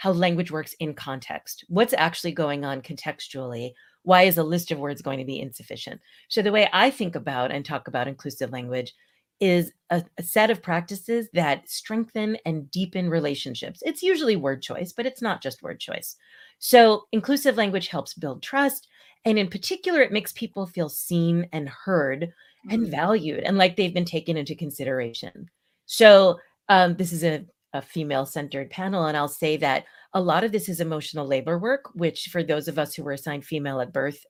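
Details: Adult woman speaking; normal speech.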